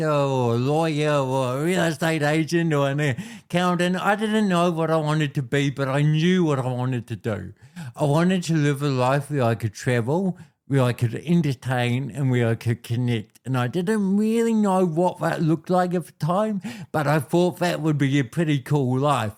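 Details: Adult man born with cerebral palsy affecting how messages travel around his body; told walking and talking would be his biggest challenges: dysarthria (cerebral palsy).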